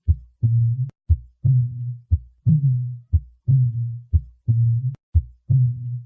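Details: Cooing dove murmur.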